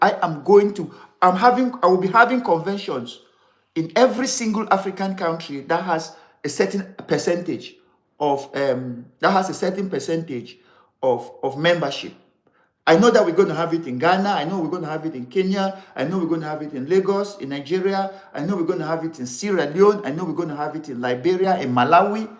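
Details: Adult man, severe stammerer since childhood, later diagnosed with attention deficit disorder (ADD); in unedited live speech he reports trouble pulling out words and words coming out differently than intended; stuttering (stammering).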